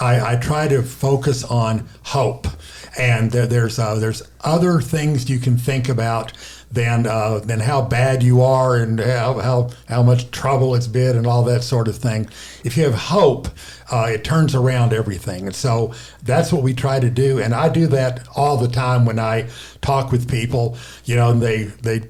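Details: Aphasia in a male stroke survivor, a former professor, from a stroke affecting the left side of the brain; he reports pausing, retrying and making up words, with garbled words here.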